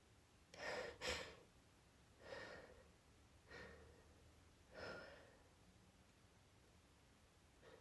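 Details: Woman sniffing pine-scented candles she is sensitive to while trying to hold back sneezes: several short, muffled bursts with quick inhales in a quiet room; suppressed sneezing.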